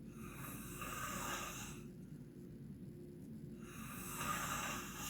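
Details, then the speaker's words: Two long, noisy snoring breaths from someone sleeping in the background, separated by a quieter pause, over a steady low room hum; ordinary snoring. "So, I'm reading this, the snoring in the background, and and it sounds like I"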